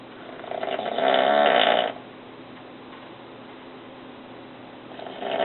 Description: My daddy snores realllllly loudly. That's why he sleeps downstairs!!!!!!!!!!!!!!